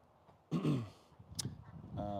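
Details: Single low, rough throat-clearing burst, then a brief click and faint background voice, during a live equine chiropractic session.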